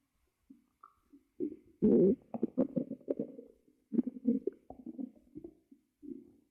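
Gurgling, rumbling bursts with brief squeaks and pauses from the belly; ordinary stomach growling, normal bowel sounds.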